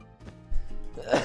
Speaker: that sounded like a sneeze but that was a cough my throat hurts because that was a dry cough